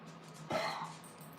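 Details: Single short, harsh cough-like burst from an elderly dog with a bad heart condition and long-standing heart murmur, over a steady low background hum.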